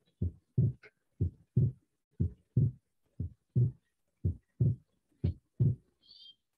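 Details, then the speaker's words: Heart sound recording, teaching demonstration: second heart sound splits during inspiration and becomes single again during expiration: physiological splitting of the second heart sound. "Eu percebo que com a inspiração ocorre o desdobramento da segunda bulha e com a expiração as bolhas ficam Normais"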